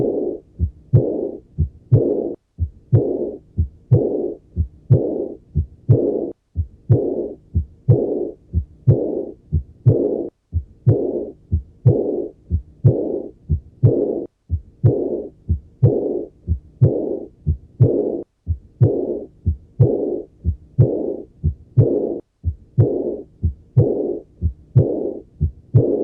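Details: Aortic regurgitation murmur.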